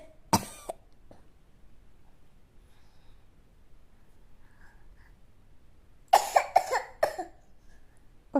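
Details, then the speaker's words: Young child imitating how mom coughs: one short cough, then a burst of three or four coughs. "Вот так кашляет, да? Вот так мама кашляет, да? Мама так кашляет?"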